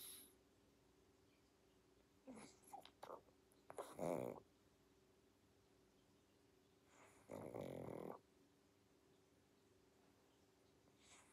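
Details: Pug sleeping, snoring and snorting: quiet room with a few short snorts, then one longer rattling snore.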